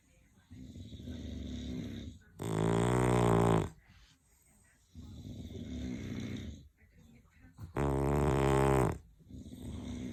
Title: Snoring Bulldogs